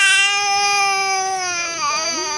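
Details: Young child's sustained, high-pitched wailing cry that wavers near the end; child reportedly coughed while drinking.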